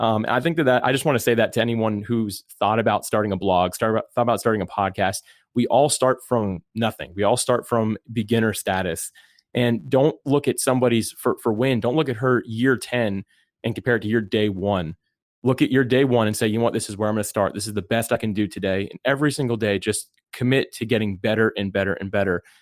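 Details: Adult man speaking; Normal speech.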